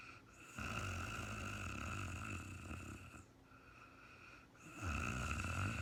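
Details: Real-time recording of an adult woman sleeping after being very tired: loud rough snores on each in-breath with quieter gaps between; snoring during sleep.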